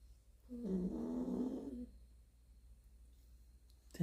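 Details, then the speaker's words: Nina asleep on the floor, having left her bed because of the heat, snoring: a single soft, rumbling snore-like breath lasting over a second, then quiet room noise. "Ih pessoal já dormiu tá roncando"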